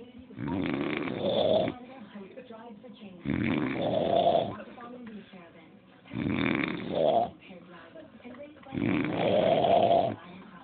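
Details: Four loud, rough snores about 1.5 seconds each, roughly 20 breaths a minute, from the recorder's father, with faint television in the background; snoring.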